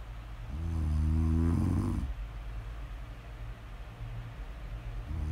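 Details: Snore audio recording: one loud, rattling, buzzing snore on an in-breath over steady low background noise, then quiet breathing before the next; snoring.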